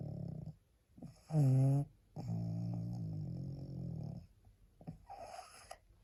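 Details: Tired pug, so sleepy she can hardly hold her head up, makes loud rattling, snorting breaths in and out, several every few seconds; pug snoring.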